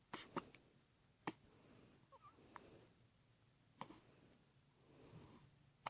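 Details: Person with hiccups: several sharp, brief, involuntary gasping catches at uneven intervals in a quiet room.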